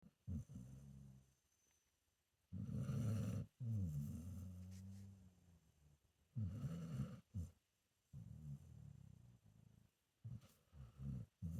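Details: A sleeping senior pit bull mix dog gives low, rumbling snores with breath sounds in irregular bursts a few seconds apart; ordinary dog snoring.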